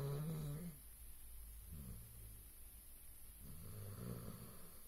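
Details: Dog snoring while asleep: low, rumbling breaths with a rough fluttering on the breath and soft pauses between.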